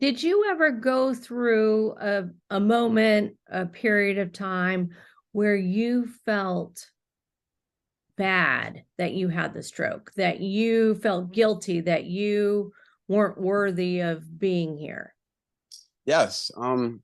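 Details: Adult woman speaking; no speech disorder.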